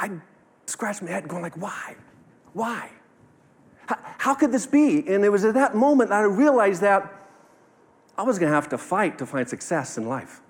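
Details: 45-year-old man, stuttering since childhood with speech therapy from age 5, now minimized with learned techniques but still present, speaking at a live talk; pauses and blocks heard; stuttering.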